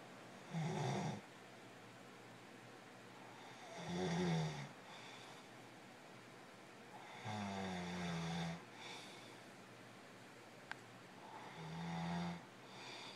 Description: This is for those people that say my husband's snoring can't be that bad that it keeps me up at night.